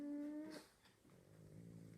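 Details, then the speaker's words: Small dog named Weezy breathing with low, rumbling, snore-like snorting and a brief higher whine at the start; owner says she does it all night long: stertor, noisy upper-airway breathing. "you hear Weezy we call her Weezy can't hear her breathing listen yeah she does that all night long making it kind of hard to sleep around here sometimes"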